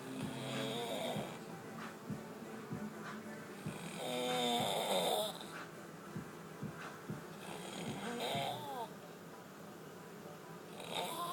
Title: Demonic snore